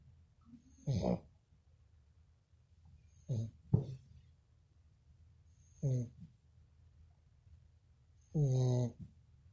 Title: snoring again hahahah 🤣